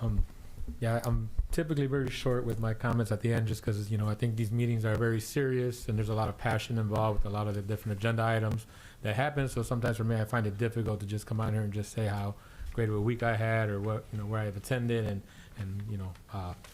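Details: Adult man speaking; normal voice.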